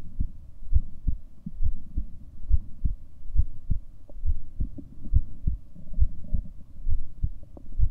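Steady low thumps of a heartbeat, roughly 70 to 80 beats a minute, with a faint hum behind.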